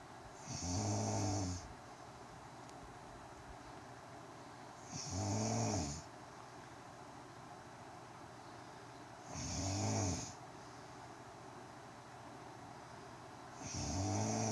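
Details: A woman snoring: regular rough, rumbling snores with a hissing edge, about 14 a minute, separated by quiet exhalations.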